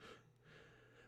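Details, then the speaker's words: Sleeping dog's faint, rough, breathy breath with a low rumble, heard over quiet room noise through a live-stream microphone; dog snoring. "Jeez, that's my dog snoring. I don't know if you guys can hear it on the mic, but I can hear it on my headphones."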